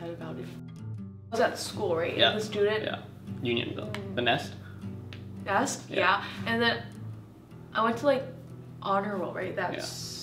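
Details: Adult woman who stutters, with blocks; stuttering.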